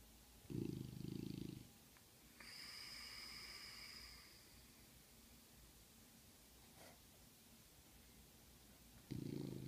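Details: Loud, coarse, rumbling snores from Butler, a sleeping bulldog, two bursts separated by a long pause with a brief whistling nasal sound, snoring hard enough to wake himself.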